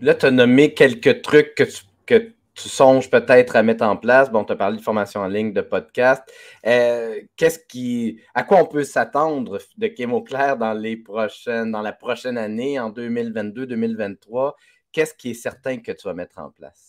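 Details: Adult male speaker; Typical speech.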